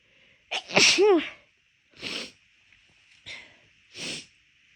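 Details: Induced sneezing when the nose already felt off midway through a walk: four forceful sneezes in quick succession, the first a voiced 'achoo', the rest sharp bursts of air; rapid, big sneezes.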